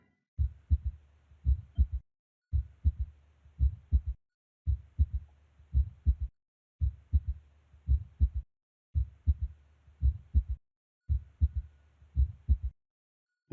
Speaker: it's almost like as if the third hat sound is fusing with the second hand sound okay so that's an s3 hot sound